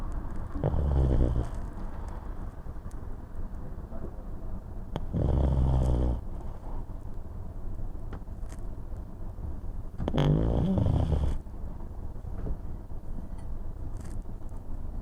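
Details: Pug relaxed on the sofa and awake with eyes open: three low, rattling snore-like breaths about five seconds apart, consistent with stertor.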